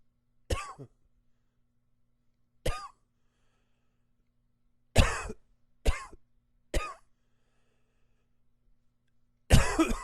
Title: Coughing 27